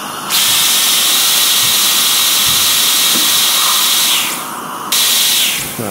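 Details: Dentist treating a patient in a large air-conditioned surgery: loud steady hiss of dental suction and water spray, briefly dropping and resuming, amid drilling and filling work.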